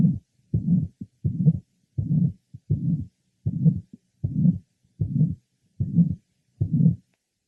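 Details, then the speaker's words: 66-year-old patient with mitral valve prolapse: regular heartbeat near 80/min, gap after the first heart sound, then a harsh, partly musical late systolic murmur. "note that there is a gap between the first hot sound and the onset of this murmur which is the lat part of Cy it is harsh but also has some musical"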